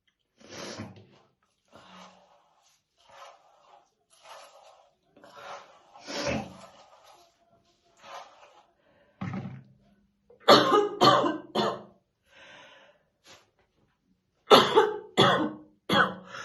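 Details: Woman brushing her hair in the morning, said to be real, not acted; quiet rustling, then two bouts of about three harsh, deep coughs each: heavy smoker's morning cough.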